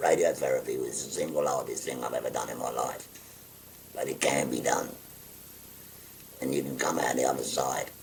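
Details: Tracheoesophageal speech in a 57-year-old man after total laryngectomy for stage four laryngeal cancer, using a voice prosthesis with button occlusion of the neck stoma.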